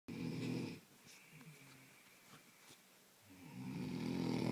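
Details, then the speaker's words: Loud snoring that keeps a listener awake at night: two loud, low, fluttering snores with a quiet pause between them. "Who the hell can sleep to that? Bloody hell."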